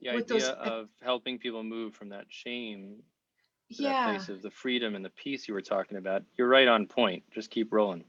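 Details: Adult male speaker; normal fluent speech.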